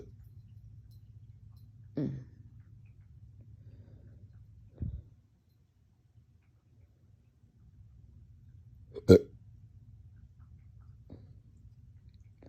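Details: Painful hiccup-burps that hurt the chest, starting after a dog walk and drinking water too fast: a few abrupt throaty gulps seconds apart in a quiet room, one louder than the rest, hiccups mixed with small burps.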